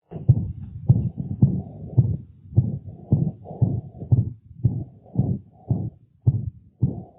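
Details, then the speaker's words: Dog (canine): rapid heartbeat with loud whooshing systolic regurgitant murmur recorded at the mitral focus, typical of degenerative mitral valve disease; murmurs typically moderate-to-high intensity when cardiogenic pulmonary edema develops. "Vamos ouvir primeiro o som típico de uma válvula mitral degenerada, o sopro sistólico de regurgitação gravado em foco mitral."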